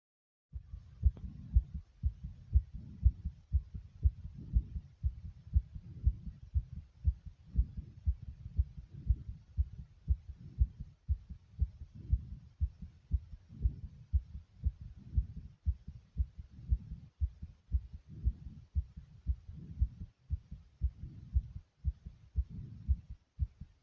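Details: Heartbeat and breathing recorded after jumping jacks: fast, regular heartbeat around 118 beats a minute, sinus tachycardia as a normal response to exercise.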